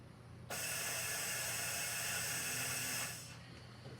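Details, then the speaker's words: Mallard 2800 anesthesia ventilator at 60 PSI flow with a 2.5-second inspiratory time: a steady rushing hiss of about 2.5 seconds as the bellows drive fully down, delivering about 17–18 liters, suited to a larger animal. "at two and a half seconds it will drive it all the way to the bottom so we'll push it right now it's gonna 18 liters into the patient line"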